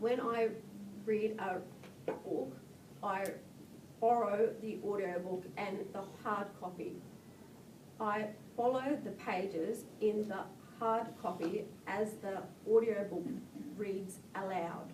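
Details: Woman with expressive (Broca's) aphasia after a 2013 hemorrhagic stroke from a ruptured congenital AVM at age 32, about three years post-stroke; word-finding difficulty, reading aloud still difficult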